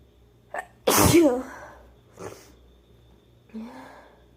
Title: sneezing (F)